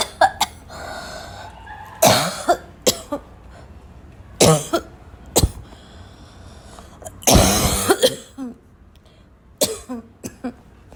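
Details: Coughing fit: a run of harsh, explosive, barking coughs in close succession, some with a gagging, choking quality.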